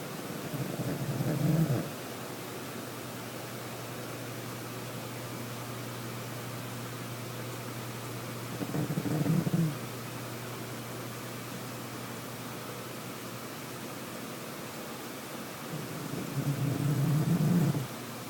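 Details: Three soft, low rumbling snores from a sleeping cat, about ten breaths a minute, over a steady hum.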